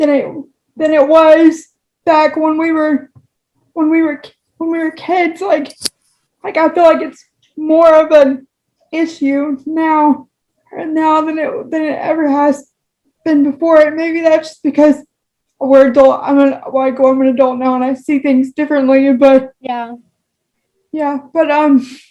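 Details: Woman with cerebral palsy whose spasticity affects her speech, speaking with spastic dysarthria.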